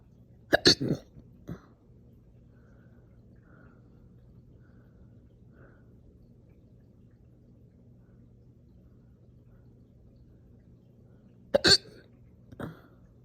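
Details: Two loud, abrupt hiccups about eleven seconds apart, each followed by a short burp, slow but aggressive and painful, after breakfast in the morning; hiccups with belching.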